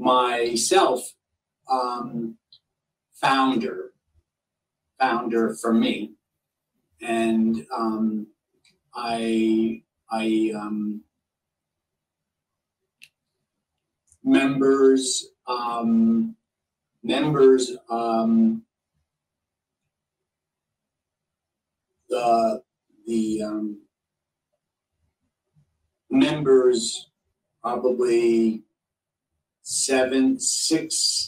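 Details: Non-fluent (Broca's) aphasia in a man seven years after a stroke damaging Broca's area; he understands speech but struggles to form words and string sentences together.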